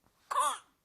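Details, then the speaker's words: A single brief, high, crowing inspiratory gasp from a seven-week-old infant girl with whooping cough, after coughing spells that turned her blue; she was hospitalized in isolation; the inspiratory whoop. "she would start coughing and she'd just cough and cough and she didn't know to breathe back in so she'd cough and cough and cough and turn blue in the face and then eventually take a big breath in and then suck off"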